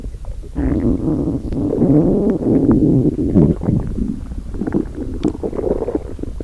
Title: Jinu saja Listen to Rumi Stomach growling